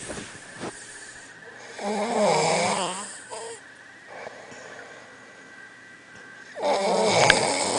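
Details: Snoring during sleep: rough, fluttering snores on two breaths with quieter breathing between.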